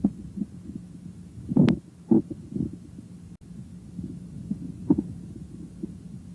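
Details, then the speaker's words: Normal bowel sounds, heard with the stethoscope diaphragm placed lightly on the right lower quadrant near the ileocecal valve: soft, irregular gurgles and clicks showing ordinary gut activity. "Begin by placing the stethoscopes diaphragm lightly on the right lower quadrant because the ilocal valve is in this quadrant valve sounds are usually audible here"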